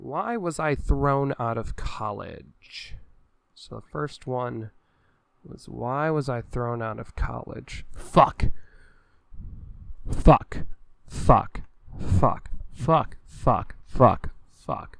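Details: Adult male with Tourette syndrome whose primary tics are a head-jerking movement, a small sound and repeated swear words; repeated censored swear-word vocal tics while reading game cards; vocal tics with coprolalia.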